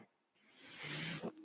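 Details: Breath from the speaker's own home mechanical ventilator, picked up while he records a podcast.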